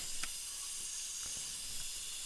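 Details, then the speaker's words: Crown preparation of upper molar (tooth #2), rubber dam in place, after cavity cleanser and rinse: steady dry hiss of a filtered air syringe with no water hooked up, drying the tooth; dental air syringe. "absolutely has no water hooked up to it and also has two or three uh filters I always make sure of that I don't want any contaminants this point"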